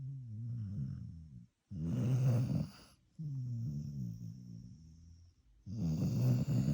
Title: The only allowed to snore and it's not annoying! 🤪😁 #dogsnoring #shorts